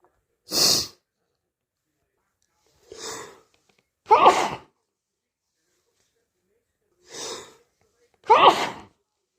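Five separate explosive bursts of air through the nose and mouth, a few seconds apart, in a quiet room: repeated sneezing.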